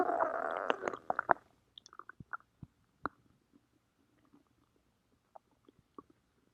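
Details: Stomach growling: bowel sounds (borborygmi).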